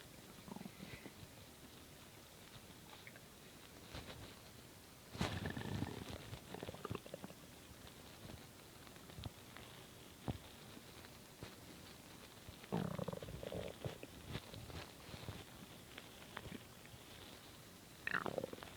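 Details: Irregular bursts of low gurgling and rumbling from the stomach while a large bowl of cereal digests: ordinary bowel sounds, stomach growling.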